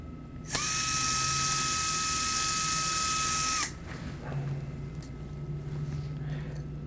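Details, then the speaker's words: Stryker VariAx 2 plating of first tarsometatarsal joint (Lapidus fusion/fracture fixation): powered surgical drill with 2.6 mm bit (double orange) whines steadily about three seconds, then stops, preparing proximal holes for bone plate screws. "uh for that we would use a 2.6 mm drill bit in the striker system it's the double orange to denote the appropriate drill bit and screw size"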